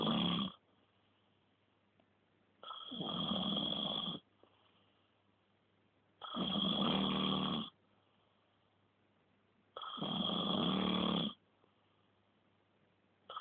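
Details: Person snoring: three loud, rasping snores on inhalation, about 17 a minute, with a whistling edge and quiet pauses between them.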